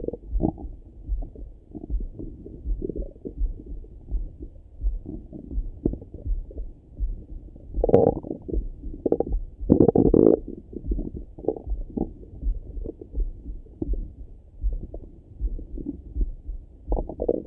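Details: Person's own morning stomach rumbling through a stethoscope: low gurgling and rumbling with a few louder bursts, ordinary bowel sounds (borborygmi).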